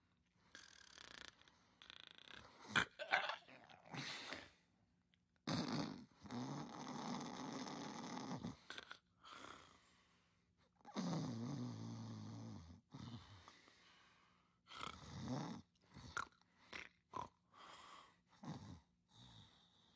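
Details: Irregular raspy snorts and rumbling breaths, some long and fluttering, in a quiet room from a woman taking a nap; snoring.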